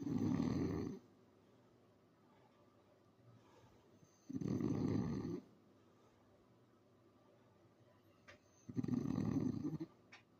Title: who says English bulldogs do not snore when they are sleeping loll 😴😴😴😴😴😴